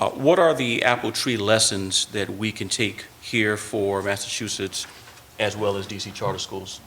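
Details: Adult man speaking; normal voice.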